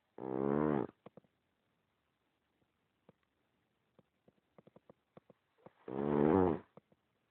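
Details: Snoring nine years later: two loud, rough, vibrating snores about five seconds apart, with soft clicking mouth and breath sounds between; steady snoring.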